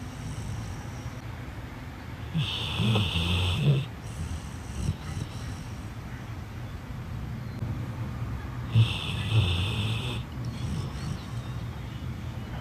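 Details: Dog snoring: two rattling, fluttering snores on in-breaths about six seconds apart, roughly ten breaths a minute, over steady low room noise.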